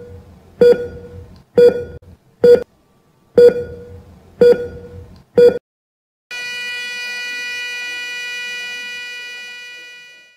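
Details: ECG heart monitor beeping: six regular beeps at about 60 a minute, then a steady continuous tone.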